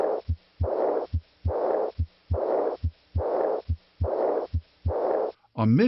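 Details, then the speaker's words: Teaching recording, heart rate about 71 a minute: early diastolic blowing murmur starting right after S2 and fading before the next S1, typical of aortic regurgitation. "an early diastolic murmur as in a or decree Gurjit ation starts right after s2 without a discernible that usually fades into silence before the next s1"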